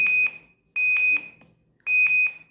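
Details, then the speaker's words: INFUSYS-S syringe infusion pump demonstration, 100 ml infusion: repeating high-pitched beeps in bursts about once a second at 95 ml infused; near-empty alarm before infusion completes and KVO starts. "At 95 ml, we get a near empty alarm, and it's going to reach 100 ml."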